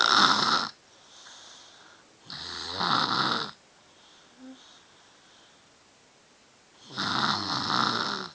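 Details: 3-year-old child asleep, snoring on a good day (usually much worse): rough, rattling inspiratory snores about every three seconds with quiet breathing between; child snoring.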